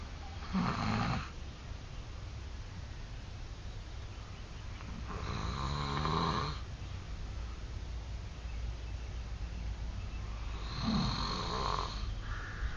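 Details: Adult man snoring: three loud, harsh snores about five seconds apart, with steady room noise in the background.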